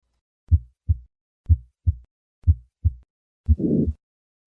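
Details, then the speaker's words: Hypertrophic cardiomyopathy: three normal beats, then a harsh systolic murmur, often loudest at the fourth left intercostal space and radiating widely across the precordium. "This murmur is often loudest at the fourth left intercostal space but radiates widely across the precordium."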